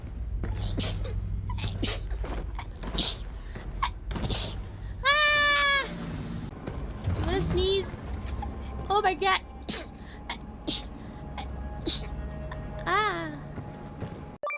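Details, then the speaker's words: Compilation of VTuber streamers' sneezes: a run of brief, sharp sneezing bursts and exclamations from different voices over background music. "Bless me. Bless me. I'm going to sneeze."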